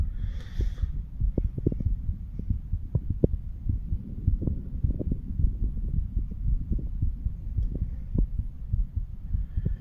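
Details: 35-year-old male, self-auscultation of the chest over the mitral, tricuspid, pulmonary and aortic valve areas: regular low heartbeat thumps about 70–80 a minute over constant rubbing noise, no clear extra sounds; normal heart sounds.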